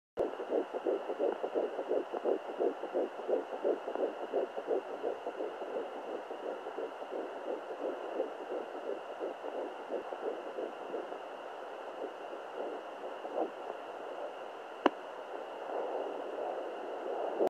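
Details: Fetal heartbeat at exactly 10 weeks of pregnancy, found for the first time with a Sonoline B home Doppler: rapid, regular whooshing pulses near 170 a minute, fading after about ten seconds.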